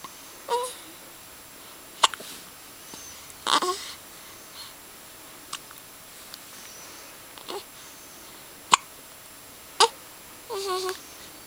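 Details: Hiccups in a small child on day 5: sharp, abrupt little catches every one to two seconds, with small vocal sounds between them.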